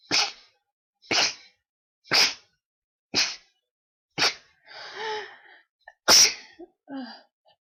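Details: Sneezing fit from a very tickly nose while deliberately trying different types of sneezes: six sharp sneezes about one a second, with short breathy sounds between them.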